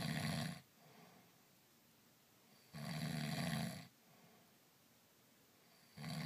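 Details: Adult husband asleep after a day of back-country skiing in Steamboat, snoring: loud, low rattling snores on each breath in, about 20 a minute, with quiet exhalations between; ordinary snoring.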